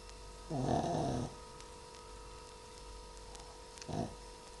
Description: My shih tzu fluffy snoring. He was reaaally tired.